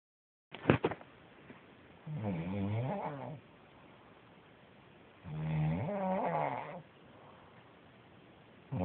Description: Roncando, snoring, sleeping